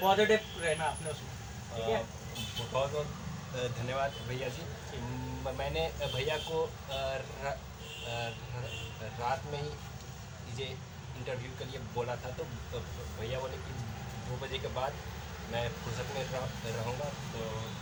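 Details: Adult man speaking Hindi; Speech.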